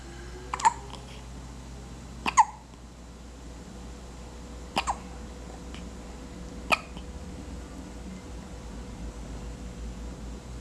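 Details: Tiny hiccups: four small, sharp hiccup sounds at irregular intervals, roughly two seconds apart, over quiet room hum.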